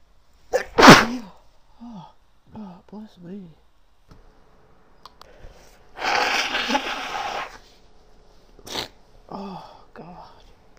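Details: Female sneezing repeatedly, saying she can't seem to stop: about three forceful sneezes, one long and explosive, with short voiced exclamations between them in a quiet room.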